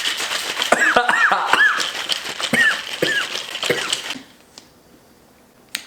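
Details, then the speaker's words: A dog with kennel cough gives a run of harsh, honking coughs lasting about four seconds. "but if you can hear it that was Griffin coughing Griffin skies kennel cough"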